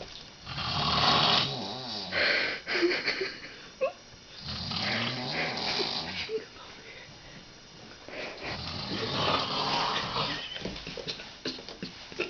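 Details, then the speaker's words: Woman in her 50s snoring very loudly at night: rough, rattling snoring breaths with gurgling and snorting in a small room, repeated noisy cycles. "And right now, this is proof time, okay? Loud snore. Okay, loud."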